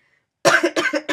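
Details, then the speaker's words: Adult woman recovering from illness, still coughing: after a brief silence, a quick run of about four short, harsh coughs. "I'm sorry guys I'm not sick anymore but I'm still kind of dealing with the effect so I'll be coughing apologize for that if you have to hear"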